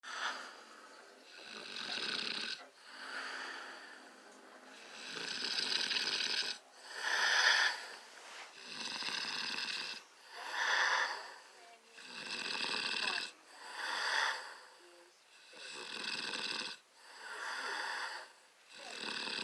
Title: Notice my cute little snore my hubby caught. Everything I do is noteworthy. 😆